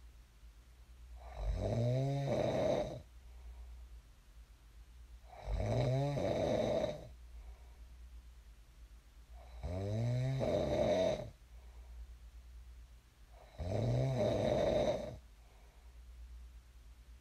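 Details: Sleep snoring recorded for ASMR: regular, loud, buzzing snores on each inhalation, about 15 a minute, with quiet exhalations between; typical snoring in a sleeper who later woke up.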